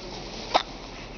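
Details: Hiccups: a single short, abrupt hiccup over steady background hiss.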